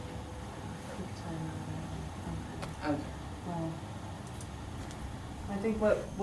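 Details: Non-fluent aphasia with word-finding difficulty in an adult man four years after onset, improved; difficulty initiating speech, circumlocution, single-word self-initiation, very slow output but clear speech, good comprehension.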